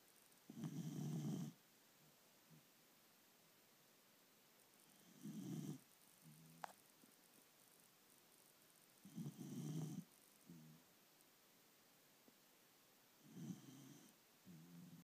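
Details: Snoring: low rumbling snores in a regular sleep rhythm, about 14 a minute, each followed by a softer snorting exhale, in a quiet room.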